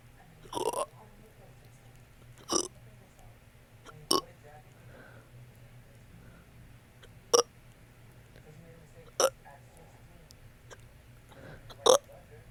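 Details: Six abrupt, short burp-like bursts at about two-second intervals, roughly 29 a minute, in a quiet room; hiccups mixed with burping.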